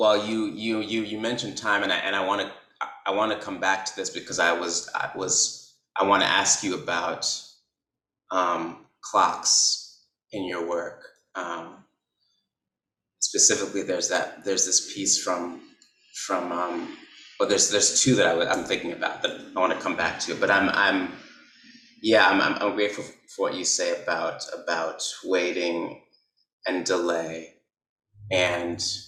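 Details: Man who describes himself as someone who stutters, with repetitions and blocks; stuttering.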